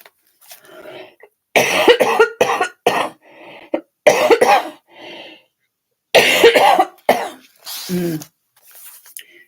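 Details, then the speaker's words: Adult, still sick with an illness lasting about a week, having repeated harsh coughing fits in clusters with a brief voiced groan between bursts. "yeah that was pretty much my week was just coughing"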